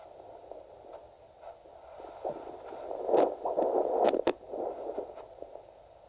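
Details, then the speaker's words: Whooshing pulsed handheld Doppler signal with gel over rustling probe noise, swelling with the pulse; strong arterial pulse at the ankle with a cuff, during ankle-brachial pressure index measurement in a young adult. "I'm going to take a a sonicade bit of jelly on it I'm going to have a listen to the pulse let's see if we can find your pulse"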